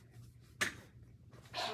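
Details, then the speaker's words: A patient sitting up after percussion over the right middle lobe, in a lung-drainage position with a physical therapy student, attempts a huff cough to clear secretions: a huff cough. "Okay, would you like to try to huff cough? I would."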